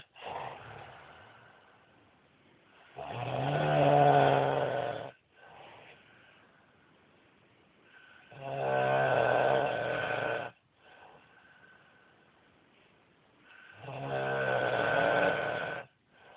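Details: A husband snoring badly: loud, rough, rattling snores on each in-breath, with quiet breathing out between them, about 11 breaths a minute; snoring.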